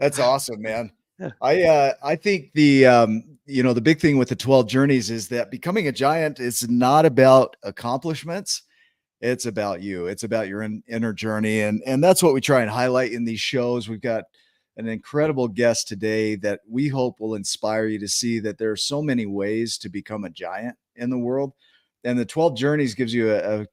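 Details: Adult male speaker; normal speech.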